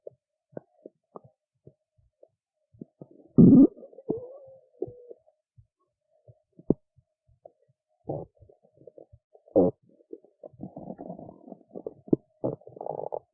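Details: Irregular gurgles, squeaks and longer rumbling runs from the belly of a woman who skipped lunch and is hungry; normal hunger bowel sounds (borborygmi).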